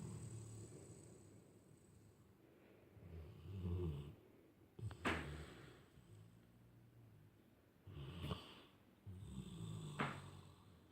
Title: Funny dog snoring